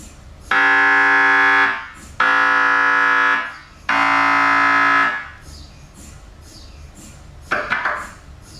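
Three loud, sustained buzzing tones about a second long with short gaps between them, then quieter room noise. This is typical MRI scanner sequence noise.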